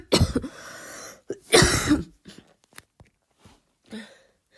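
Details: Voluntary cough, an attempt to imitate a barking cough: two forceful deliberate coughs, then softer throat sounds, with no clear bark achieved.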